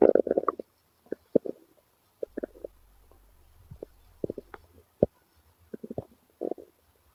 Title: Male stomach growl 67